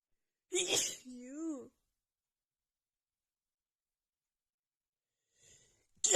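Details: Woman with a bad head cold and an unbearable nasal tickle gives a single sharp, hissing sneeze followed by a short voiced sigh.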